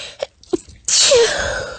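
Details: Female giving a tiny, squeaky, stifled sneeze: two faint catches of breath, then a sudden high sneeze burst trailing off in a hiss.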